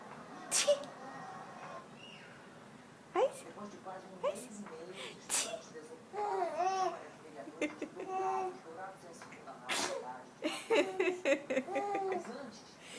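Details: A baby makes several sharp, sneeze-like bursts among babbling and giggles; pretend sneezing done in play, which the baby finds very funny; harmless.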